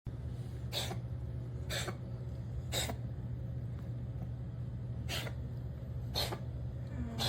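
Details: A cat gives five short, sharp, noisy coughing bursts about a second apart over steady background hum; owner wonders whether it is hairball wheezing/coughing.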